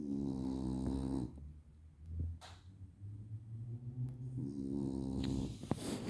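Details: Loud, buzzing, fluttering snores alternating with quieter snorting breaths, typical of a flat-faced dog's noisy sleep breathing; snoring.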